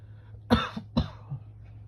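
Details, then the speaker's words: Two short, harsh coughs then softer throat-clearing from an adult male whose sinuses have bothered him for about 30 minutes, feeling on the edge of sneezing; brief irritative cough. "Sorry about the coughing."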